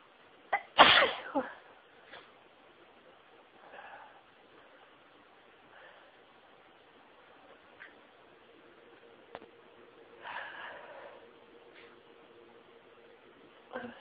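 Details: One loud sneeze followed by several softer, stifled sneezes in a quiet room; fit started slowly, stifling intensified nasal tickling, sneezes became rapid and breathtaking: sneezing fit.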